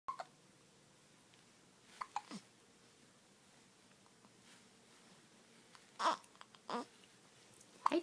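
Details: Infant with brief, sharp, irregular little catches of breath, several in eight seconds, in a quiet room; infant hiccups.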